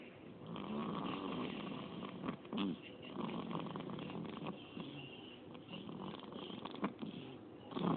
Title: Snoring baby